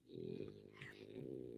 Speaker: you hear my dog snoring? Oh my God.